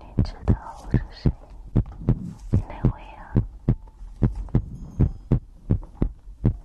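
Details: ASMR recording of the creator's own heartbeat with breathing, from a livestream compilation: deep, heavy heartbeat thumps in close pairs at about 90 to 100 a minute with soft breathing behind; normal heartbeat.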